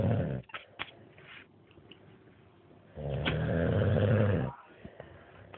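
Low rumbling snore on one long breath, with quiet breathing and faint room noise around it; dog snoring.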